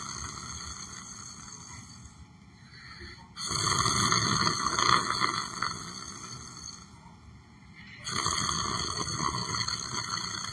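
Two loud, rough, rattling breaths in a slow rhythm, with quieter exhalation between them, over steady background noise; snoring during sleep.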